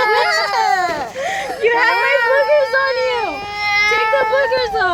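High, wavering, whiny crying with short catches of breath, with children's voices nearby; a young child crying.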